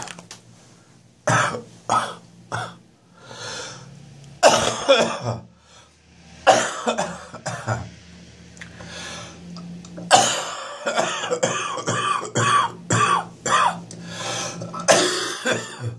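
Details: Adult's first morning coughing fit, which woke them at 06:30 with the chest still quite bad: repeated harsh coughs with throat clearing; productive chest cough.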